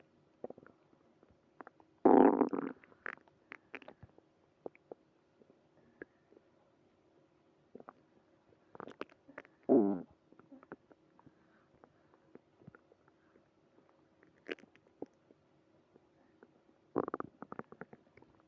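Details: Early morning stomach growling, several gurgling rumbling bursts separated by quiet stretches and small clicks; ordinary bowel sounds (borborygmi).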